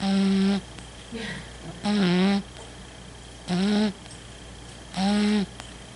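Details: Snoring: a sleeping cat makes steady, humming, buzzy snores about every one and a half seconds, with softer breaths between, in a quiet room.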